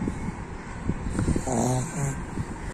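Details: Snoring from a sleeping pet pug dog.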